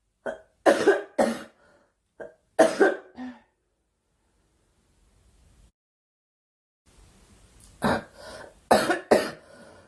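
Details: Girl coughing: two groups of short, sharp coughs with a quiet pause between, about eight coughs in all; cough.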